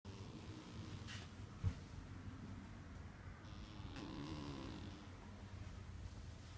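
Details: Quiet, low rumbling snore from a sleeping female cat, soft breathy swells over a steady low room hum; ordinary cat snoring.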